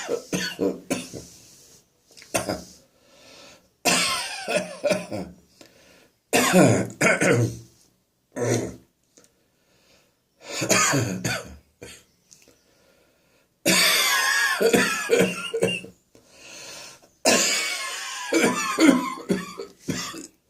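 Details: Adult's morning coughing fit from acid reflux in the throat: repeated harsh coughing and throat clearing in bursts.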